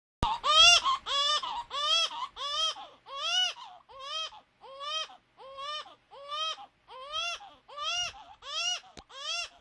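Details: Young child woken from sleep, crying; carer remarks she couldn't sleep because she had pooped. About fourteen rhythmic, high-pitched wailing cries, around 90 a minute; ordinary crying, not illness.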